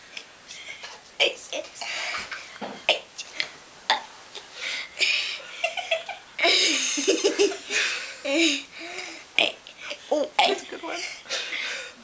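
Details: Attempt to burp the alphabet, recorded in Suffolk, UK: a string of voluntary burps shaped into letter sounds, with giggling around them; deliberate belching.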